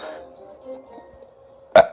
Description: Making my boy laugh by burping.